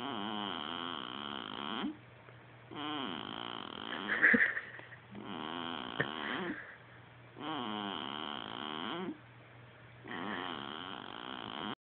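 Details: Strange new noise from a girl sleeping in her swing: five long, rough, buzzing noises, one per breath at about 25 a minute; "snoring".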